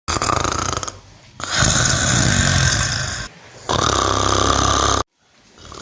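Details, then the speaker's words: Loud, rough rattling snores from a cow, two long noisy breaths with short quiet gaps between: snoring. "karena mendengkur sendiri adalah suara Getaran yang timbul diakibatkan karena terhambatnya aliran udara ketika bernapas di rongga bukaan terutama di sekitar organ ovula dan soft pala"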